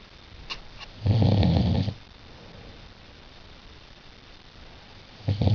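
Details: One loud, low, rattling snore lasting about a second, a second snore beginning at the end, over a quiet background; snoring at night.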